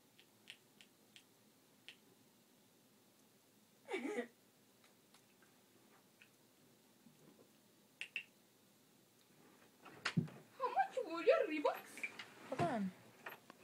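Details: Scattered sharp clicks, then a cluster of squeaky, scraping tooth-on-tooth noises; teeth grinding (bruxism).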